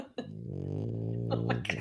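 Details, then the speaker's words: Snoring from a sleeping dog, heard during a conversation: a single drawn-out, low, steady buzzing snore lasting over a second. "wait wait he does snore he's woken me up snoring before yes i can hear him"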